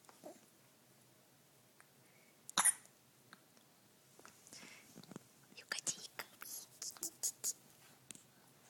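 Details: Infant with hiccups: soft breathing with occasional abrupt, sharp little catches, including one louder jolt and a brief cluster later.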